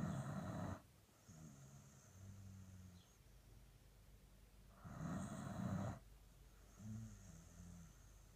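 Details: Sleeping Dandie Dinmont Terrier dog, happily snoring; loud rattling inhalations alternating with softer rumbling exhalations; snoring.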